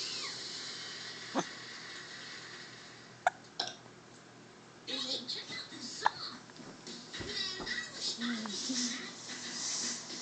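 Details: Baby with hiccups: several short, sharp clicks at irregular intervals with quiet talking in the background.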